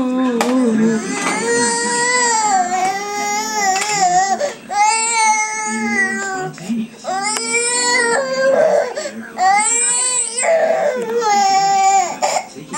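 Loud, rhythmic infant crying in repeated wailing bursts with short breaths between, in a small room; ordinary baby cry.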